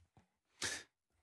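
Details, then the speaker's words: A single adult sneeze from a radio presenter, who blames the air conditioning: a brief drawn-in breath, then one sharp, loud, hissing burst. "Pardonnez-moi, c'est la fameuse climatisation qui me fait éternuer."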